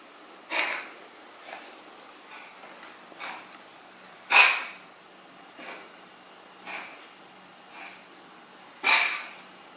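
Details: Cat coughing: about seven short, breathy, hacking bursts at irregular intervals, some soft, some sharp, in a quiet room.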